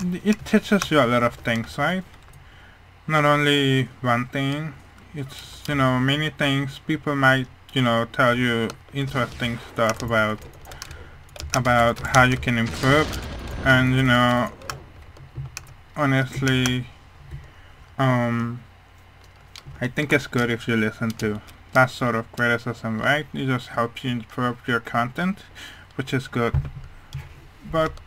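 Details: Speech of a male speaker with a hearing problem, which he says mainly explains how his voice sounds, though he is unsure whether his accent also plays a part; speech of a person with hearing loss.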